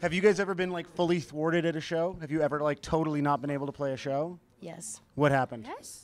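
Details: Adult speakers in conversation; normal speech.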